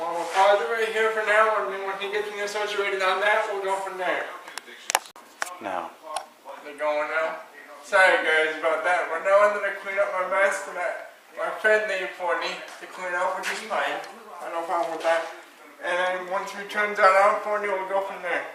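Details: Dysarthria in an adult man with cerebral palsy who uses a power chair.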